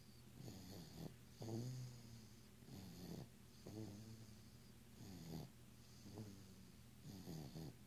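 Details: Sleeping baby aged 9 months 1 week snores softly, quickly and regularly on each breath, with a low vibrating rattle; infant snoring.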